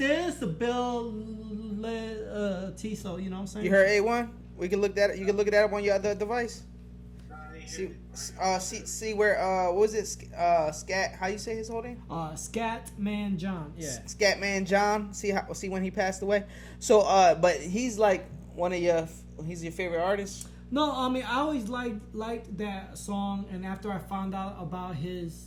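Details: Man with a stutter since growing up, much worsened after a blast-wave brain injury during military deployment; he stutters in conversation but not when rapping; finding: stuttering.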